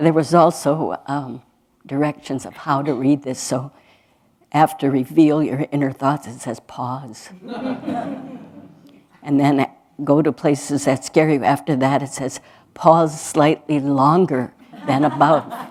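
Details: Adult speaker; normal speech.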